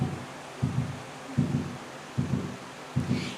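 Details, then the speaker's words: Rhythmic whooshing double pulses over a soft hiss, about 77 a minute, a fetal heartbeat from an ultrasound machine, whose sound was usually turned off in an abortion clinic so the mother would not hear it. "pasamos al Por qué está ensordecido cardíaco del bebé está ya eh latiendo en el corazón está ya engendrado desarrollado nosotros apagamos El sonido del ecógrafo porque si no la mamá escucharía"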